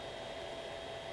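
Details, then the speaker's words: Steady soft hiss with a faint constant hum from a SolidCLEANER ozone CPAP cleaner running after its button is held, generating ozone to sanitize the CPAP system. "and it starts to create the ozone and the ozone is what cleans the system"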